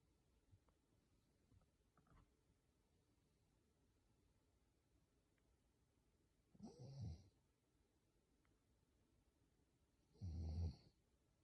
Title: 萌え声の寝落ちいびき配信 #いびき #イビキ #snore #snoring #寝落ち